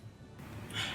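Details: Quick intake of breath, then a sharp hissing burst of air: a single adult sneeze over background music.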